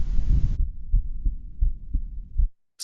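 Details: Heart sounds recorded by an in-ear earbud microphone inside the ear canal: muffled low thumps of a regular heartbeat under hiss and low hum; normal heart sounds.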